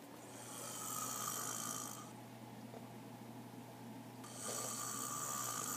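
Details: Snoring from a sleeping person.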